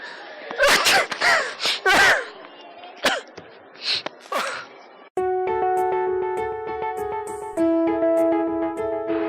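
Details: Deliberately faked sneezes made as a prank at an airport: several loud, explosive sneeze-like bursts with voice, then music; simulated sneezing.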